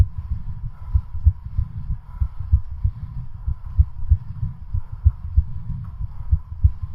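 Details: Rapid, regular low heart thumps with a faint steady hum, recorded during a home stationary-bicycle cardiac stress test continued until exhaustion; exercise-induced sinus tachycardia.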